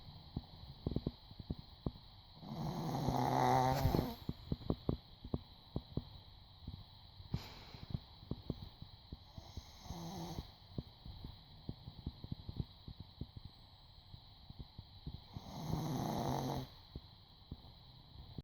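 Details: Dog asleep on a couch, snuggled under the owner's folded legs, snoring loudly: rumbling, rattling snores every several seconds over crackly background noise: snoring.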